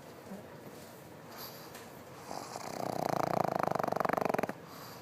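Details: Sleeping pig: quiet breathing builds into a loud, rapid, rattling snore lasting about two seconds, then stops: snoring.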